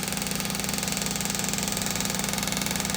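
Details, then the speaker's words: EPAT shockwave therapy delivered to the heel of a patient with insertional calcific Achilles tendinosis: fast, steady mechanical tapping with a buzzing drone from the device until it is switched off at treatment completion. "okay turn it off so notice that we've completed the shock wave"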